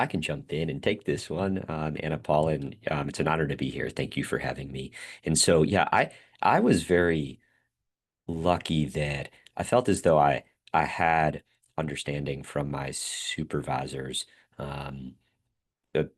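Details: Adult male speech-language pathologist who stutters, speaking spontaneously on a panel; stuttering with audible word repetitions.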